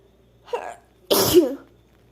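A single sneeze with a short in-drawn breath before it, then a sharp explosive burst: a normal sneeze.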